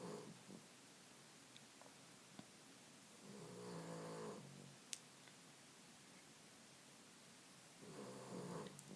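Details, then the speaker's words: Sleeping dogs snoring in the background while nail art is done: slow, rumbling snores a few seconds apart with faint clicks in a quiet room, ordinary snoring. "can hear them snoring away that's just going to be the theme i'm going to be known as the youtuber who has snoring dogs in the background"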